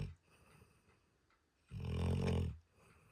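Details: A sleeping dog: a low, rattling snore on one drawn-in breath, with quiet breathing before and after; ordinary snoring.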